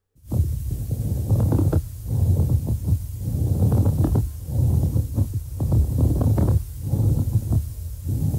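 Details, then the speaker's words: Pleural friction rub demonstrated in a breath-sounds lecture: coarse creaking, grating, crackling scratching with each breath, likened to walking on fresh snow; it can occur on inspiration, expiration or both, more commonly expiration. "now this is thought to sound a bit like walking on fresh snow so where the snow gets pushed down into lower layers and you hear that kind of creaking crackling scratching sound so let's have a listen to what a friction rub would sound like"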